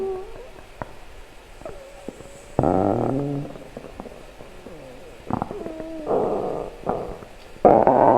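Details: Stomach growling (borborygmi) compilation: gurgling, squeaky gliding tones and bursts of bubbling rumble from the belly.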